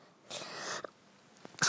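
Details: A quick breath in, then a sharp airy burst and another abrupt burst, from sisters who are sick, sneezing while talking: sneezes.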